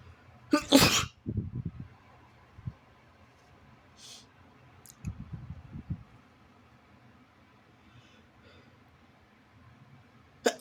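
One sharp explosive sneeze followed by sniffling and nasal snorting sounds, then quiet with a brief noise at the end.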